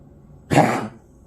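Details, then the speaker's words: A single harsh, forceful cough burst from a dog, lasting under half a second. "coughing in dogs can be caused by a surprising range of issues some Miner and some way more serious"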